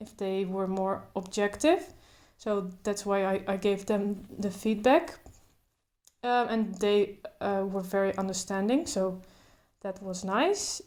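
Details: Adult woman who stutters, including blocks, speaking naturally without trying to control her stutter; stuttering.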